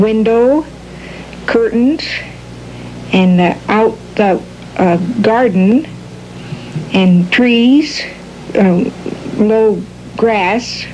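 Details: Patient with classic Broca's aphasia describing a picture, with halting, telegraphic, non-fluent speech. Broca's aphasia.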